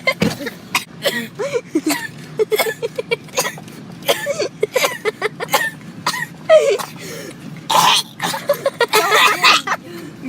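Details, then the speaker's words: Cough: a child gives a long run of short, forceful, rapid coughs and throat-clearing bursts, barely pausing between them. "My best friend coughing crazily."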